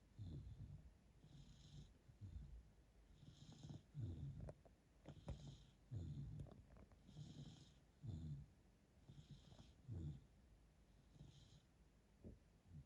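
Low rumbling snores at about 30 a minute, with soft snorts between them: a sleeping dog snoring.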